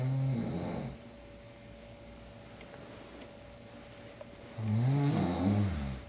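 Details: Adult man snoring loudly while asleep, deep rattling snores on inhalation separated by quiet gaps of several seconds over a background hum; he wakes himself up, and the recorder suspects borderline sleep apnea.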